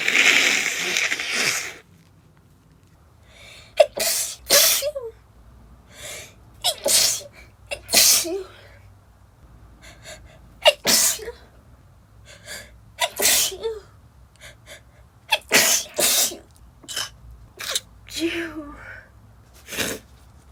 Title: Stifled sneezing attack from sawdust (F)